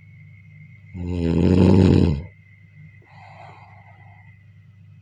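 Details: A loud, low, rattling snore on the in-breath during sleep, then a quiet, softer out-breath; ordinary snoring.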